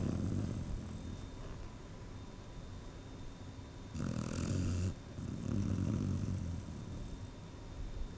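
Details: Sleeping dog snoring: low, rumbling snores with rough, fluttering breaths in a quiet room.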